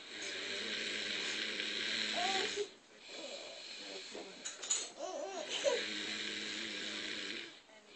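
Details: Man snoring while asleep sitting up, head not touching the cushion: long rasping, buzzing snores with a whistling, squeaky edge, separated by brief pauses; loud habitual snoring.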